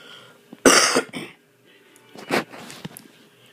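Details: Person's cough at 1 a.m., called the worst cough ever: a loud, harsh cough burst with a short follow-up, then a softer cough a second later over faint room noise; repeated dry-sounding cough.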